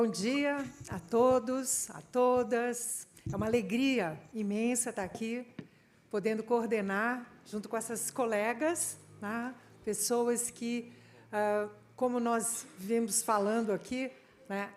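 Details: Adult woman speaking Portuguese; normal speech.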